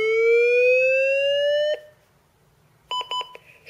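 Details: Training demonstration on a simulated patient in VF using LifePak 12 in AED mode: rising electronic charging whine then a short burst of beeps, defibrillator ready to deliver a shock.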